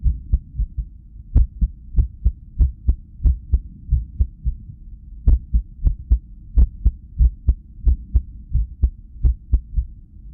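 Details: Heart sounds from an echocardiogram ultrasound at rest, recorded during arrhythmia after lack of sleep: beats with uneven spacing and a noticeable pause. Irregular heartbeat.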